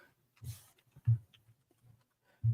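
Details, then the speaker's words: Low, rumbling snorts repeating in short bursts from a relaxed dog in a quiet room. The dog is known to snore even when awake and at ease; loud snoring. "Can you hear JoJo snoring? I sure can. Yeah, she's very loudly snoring."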